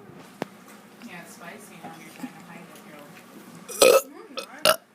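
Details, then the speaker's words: Kid burping on purpose while eating food spiced with chili powder: background chatter, then two loud, forceful belches near the end. "once again, kid doing burps."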